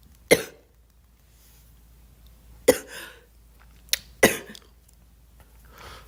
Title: Girl coughing 250